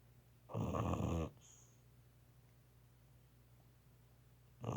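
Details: A dog snoring: a loud, rough snore on the breath in, then quiet breathing until the next snore starts.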